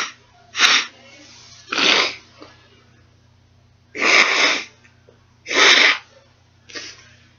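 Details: Just after crying: four loud, sharp, hissing bursts of air with a fainter fifth, quiet between them in a small room; repeated sneezing with possible nose blowing.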